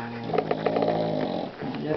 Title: Chien qui ronfle